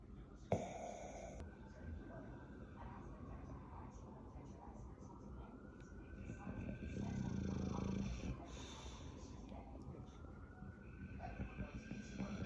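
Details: Sleeping bulldog with low rumbling snores and a louder snoring breath near the middle, against a noisy room; snoring.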